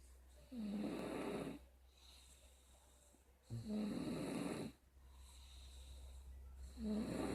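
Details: Loud, rattling snores on breathing in, roughly every three seconds, with quiet breathing out between and a steady hum behind; snoring.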